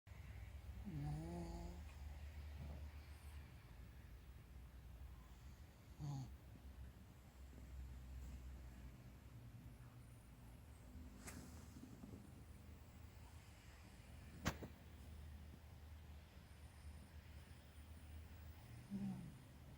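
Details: Snoring in a sleeping Chihuahua: deep, rumbling snores in a slow rhythm with a few soft snorts between breaths; peaceful, ordinary snoring.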